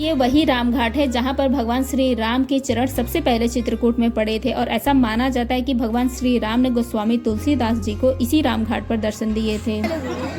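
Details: Adult woman speaking Hindi; Normal voice.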